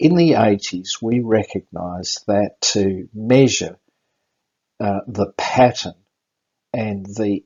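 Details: Aphasia after a stroke in an adult with about six post-stroke seizures, the most recent five weeks ago; a neurologist notes the aphasia is audible; finding: aphasia.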